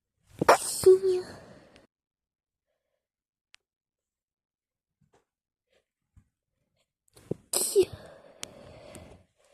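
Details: Two sudden, sharp sneezes, each trailing into a breathy sound, with a quiet room between them; ordinary sneezing.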